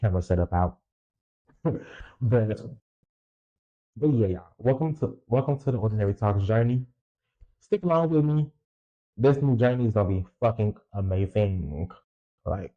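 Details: Stuttering in an adult male podcaster who reports a lifelong speech impediment, real unedited speech.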